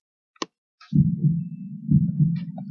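Deep, muffled lub-dub beats with a steady, regular rhythm at roughly 60 beats a minute, after a couple of faint clicks. It is a normal heartbeat: each paired thump is the heart's valves closing as blood is pushed around the body.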